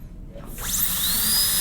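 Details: High-speed dental drill (handpiece) during a maxillary premolar class II preparation in a teaching course: high-pitched whine rising quickly to a steady shrill tone as the drill spins up.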